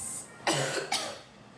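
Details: Woman sick with a cough who has lost her voice: two short, harsh coughs in quick succession, a moist-sounding cough from an acute respiratory illness.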